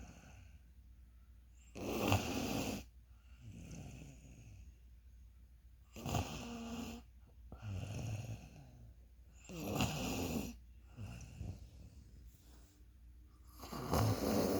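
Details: Snoring: loud, rattling snores on each breath, about 15 breaths a minute, with softer breathing sounds in between.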